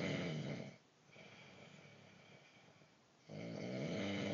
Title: Snoring beast lol